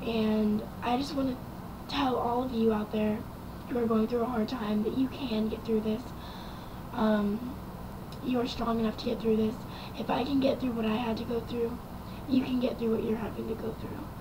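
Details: Young woman with dysphonia after about 2 weeks of ventilator intubation following a car accident with near-collapsed lungs; a vocal cord damaged, possibly permanently; improved over recent months but not back to normal, cannot scream.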